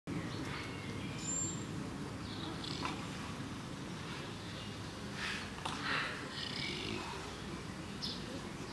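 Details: Snoring of a sleeping miniature pot-bellied pig at a zoo: a steady low, rumbling, purr-like noise throughout, with faint bird calls and outdoor sounds behind it.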